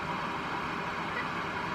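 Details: Patient's ResMed 10 CPAP machine used for sleep apnea, running with the mask not sealed: steady, even rushing hiss of airflow; CPAP airflow noise from unsealed mask.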